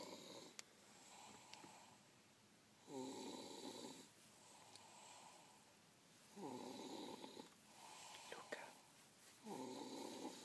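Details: Snoring: quiet, regular rasping snore about every three seconds, roughly 20 breaths a minute, with faint room noise.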